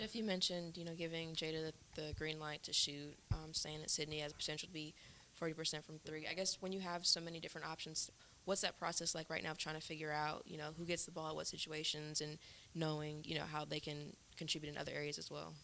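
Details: Adult speaker; typical speech.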